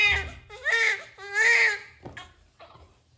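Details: Two strong, clear, high-pitched newborn cries with quieter whimpers after, in a small room, just after a normal delivery of a meconium-stained baby.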